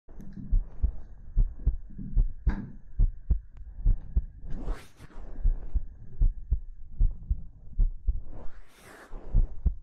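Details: ASMR heartbeat recording: steady low heartbeat thumps, about 75 a minute, with soft whispering and breathy noises over them; a normal heartbeat.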